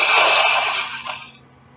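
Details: Female with allergies in a huge sneezing fit, triggered on turning on a desktop computer: one loud, forceful, uncovered sneeze trailing into a breathy exhale, part of a run of repeated allergic sneezes.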